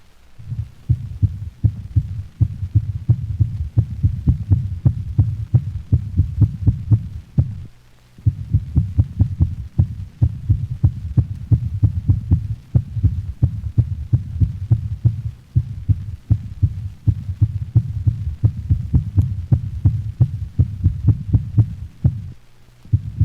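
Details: Dog in atrial fibrillation: rapid, irregularly spaced heart sounds of variable intensity on auscultation; such dogs typically exceed 180 per minute with a pulse deficit.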